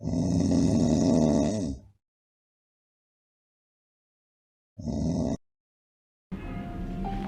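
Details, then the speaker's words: A relative's snoring during sleep: loud, rough, very regular snoring breaths separated by quiet pauses, described as typical of older people and not risky, without the loud-then-stop pattern of sleep apnea; simple snoring. "now in this you can see it is loud snoring but it is very very regular this is the kind of snoring you'll see in your grandfathers and older people and this is not at all risky"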